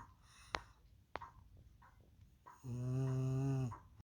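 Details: French bulldog snoring while asleep on a couch, tired after rough-housing all day: a few soft snorts, then one loud, long, buzzing snore; snoring.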